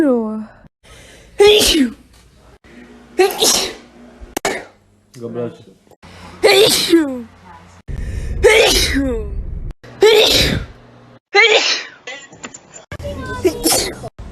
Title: sneezing compilation 8